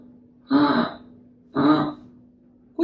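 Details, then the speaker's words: A young child with tracheomalacia (weak, floppy windpipe) makes harsh, noisy breaths with a rough buzzing pitch about once a second over a steady hum: stridor. "जिन बच्चों को ट्रैकियोमलेशिया होता है उनके सांस में आवाज आ सकती है। कई बार ये आवाज स्ट्राइडर के फॉर्म में होती है, कुछ इस तरह।"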